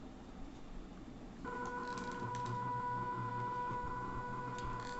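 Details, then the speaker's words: Steady electronic motor whine with rhythmic mechanical ticking as a prototype smart automated bag ventilator, started from an Android app via cloud, begins resuscitation cycles; mechanical ventilator running. "it begins the process of resuscitation almost immediately similarly i can stop the process from the app itself right after one of the cycle finishes it immediately stops"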